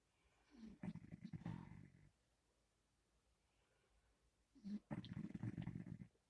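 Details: A sleeping pit bull gives two loud, low, rattling snoring breaths separated by a quiet pause; snoring.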